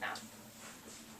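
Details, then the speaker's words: Wheeze, a brief high-pitched, whining musical sound from narrowed airways played on a lung simulator to high school students; described as what a patient with asthma or a cold might sound like. "so when would your patient maybe sound like this or like your little brother or something if they have like an inhaler they have a cold or something yeah if they have a cold that's good they have asthma"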